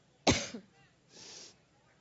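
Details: A single sharp, harsh cough during a political speech in Cleveland, Ohio, then a breathy exhale; the speaker attributes it to an allergic reaction.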